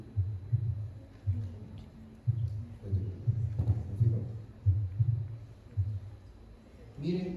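Low, paired thumps recurring irregularly, a first and second heart sound, the lub-dub of a normal heartbeat.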